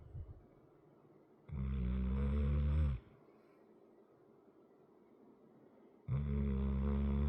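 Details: Sleeping 100 lb dog with a chronic crusty nose: loud, low rattling snores about 1.5 seconds long separated by quiet exhalations; snoring.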